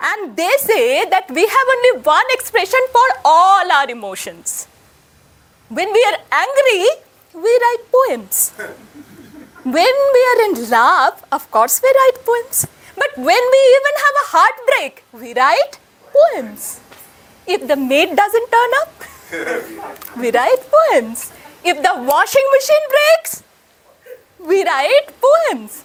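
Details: Adult woman speaking; normal speech.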